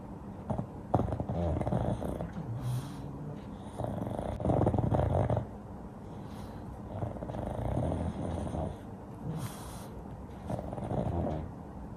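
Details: Paddington, a sleeping pug dog, snoring loudly during a nap while twitching and dreaming: rumbling, snorting snores in uneven surges with a fluttering, grunting quality.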